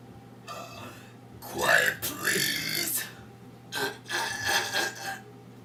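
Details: A woman deliberately burping: several long, loud, rumbling voiced belches in a row, drawn out.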